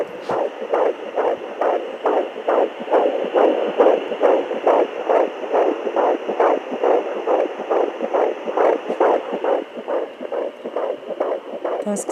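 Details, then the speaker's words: Fast, regular whooshing pulses at about 140 a minute: fetal heartbeat found at home with a pocket fetal Doppler on a lying-down pregnant woman, after some searching for position. "bom gente esse foi o barulho do coração ele demorou um pouco pra pra pegar aí eu não tava achando a posição"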